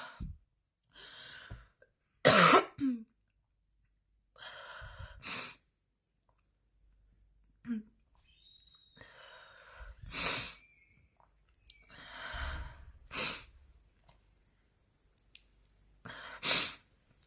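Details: Repeated harsh, forceful coughs in short bursts with throat clearing and breathy gasps between; part of a 10-minute recording of extremely intense, persistent coughing fits with heavy breathing.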